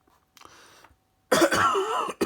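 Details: Speaker recovering from flu, probably the second in three or four weeks, with coughing and croaky voice: a faint throat noise, then one harsh, rough cough with a croaky edge.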